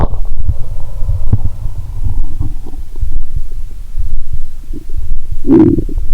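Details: Lying down after drinking 1.5 L cola and swallowing Mentos, stethoscope on abdomen: low, irregular rumbling and soft gurgles with a louder bubbling gurgle near the end; active bowel sounds.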